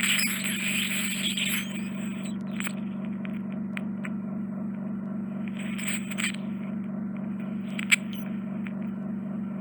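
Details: Endoscopic ear wax suction of a woman's left ear with severe wax impaction: steady low suction hum with intermittent higher squeals and crackles as debris is drawn from a superior eardrum retraction pocket with suspected cholesteatoma.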